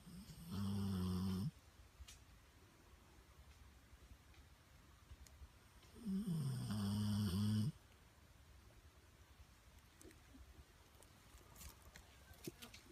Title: Pitbull!! Snoring Bobby zzzzz